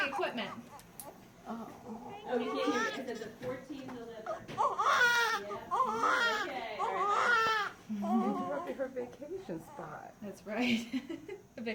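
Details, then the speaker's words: Newborn girl's cry just after delivery of a second baby, born after 40 weeks 3 days of pregnancy, past the due date: strong, repeated crying bursts with adult voices nearby. A vigorous, healthy-sounding newborn cry, not angry. "she's not happy to be out oh I love it I like that cry sounds nice and beautiful and she's not mad"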